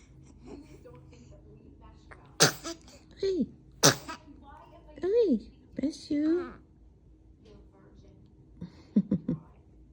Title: Morning sneezes with momma 💙 #3weeksold 7/30/24